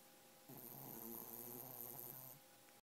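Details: Snoring during sleep: a single drawn-out rattling snore of about two seconds in a quiet room.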